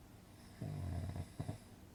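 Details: Single deep, rattling inspiratory snore with a short fluttering tail, from a relaxing snoring sound-effect recording for sleep; snoring.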